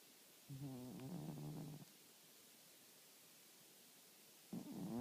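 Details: Snoring, which the uploader suspects may be part of their sleep problem: two rough, low, buzzing breath sounds, one long and one starting at the end, with quiet between.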